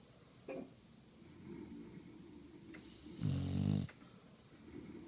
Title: This guy snores just like me lol